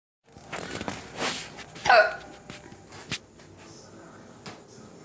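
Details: Mother's hiccups: several abrupt, sharp catches of breath with a child's laughter in between; harmless diaphragm spasm.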